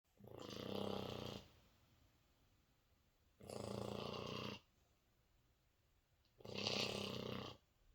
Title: French Bulldog Snoring! Winston (4 months) So cute!😂😂